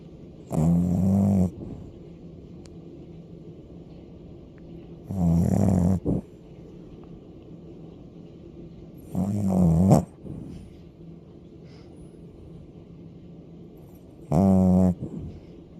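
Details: Pet dog snoring loudly: four loud, rumbling snores at about 13 a minute, each on a breath in, with quiet pauses between.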